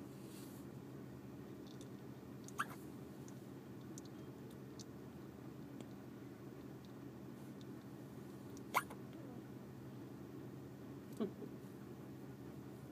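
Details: A baby girl with a pacifier in her mouth having hiccups again: three sharp, squeaky hiccups several seconds apart over steady low room hum.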